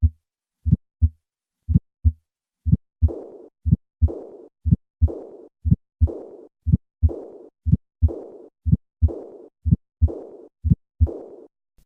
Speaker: listen to a patient with a bicuspid valve an aortic regurgitation I will start with three normal beats and then add the click and finally the diastolic murmur